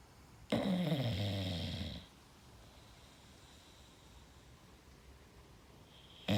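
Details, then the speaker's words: English Bulldog snoring: one long, loud, rattling snore, then quiet room noise, then the start of the next snore. "Honey? You're snoring, darling. Honey, are you okay? You're snoring."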